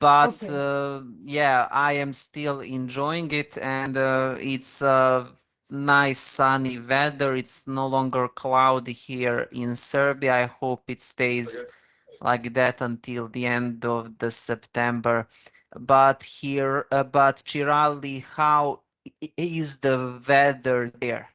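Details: Stuttering (stammering) in an adult man who has had speech therapy and has used very slow speech to control it.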